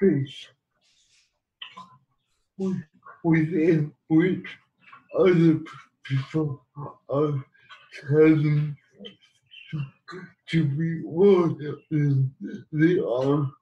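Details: Adult man living with cerebral palsy who has used a wheelchair most of his life; dysarthric speech in cerebral palsy.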